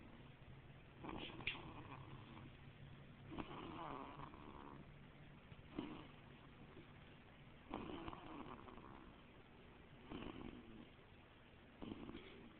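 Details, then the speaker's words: A 2-week-old baby boy, sleeping at an OB-GYN office, snoring fairly loudly: soft, irregular snoring breaths about 14 a minute with faint nasal rattling, like his mother's snoring. "So you think the baby's snoring like his mama? Hmm? Yeah. He does. Snores just like his mama."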